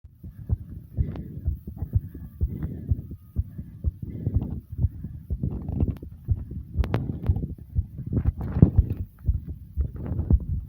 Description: i recorded my heartbeat after running in place for a few minutes like comment subscribe and enjoy #heartbeat #fast #breathing